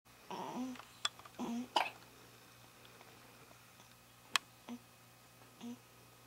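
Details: Newborn less than a week old with hiccups: short, sharp, abrupt catches of breath, each followed by a faint squeak, in a quiet room.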